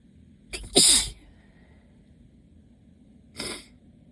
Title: Waves of allergy sneezes